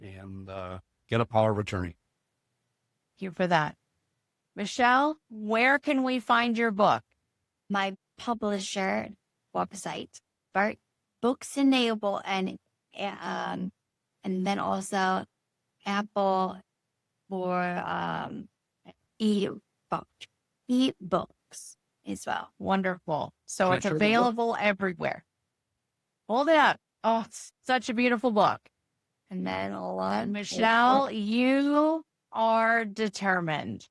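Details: Woman with Broca's aphasia and apraxia of speech after a stroke from a brain bleed nine years earlier, treated with brain surgery; Broca's aphasia with apraxia of speech.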